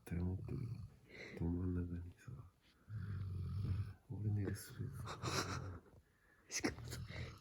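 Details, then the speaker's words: 8-month-old male black Labrador Retriever puppy asleep: repeated deep, rumbling snores, one with each breath, in a quiet room; loud puppy snoring. "いびきが出るしな。"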